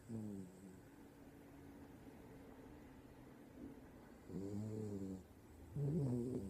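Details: Dog snoring: low rumbling breaths, some with a buzzing tone, in a noisy room.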